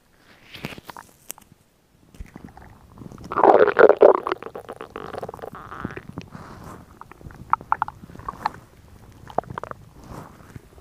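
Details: Woman's stomach growling recorded for ASMR: gurgling, bubbling rumbles with a louder churning burst from gas and fluid moving through the gut; ordinary borborygmi.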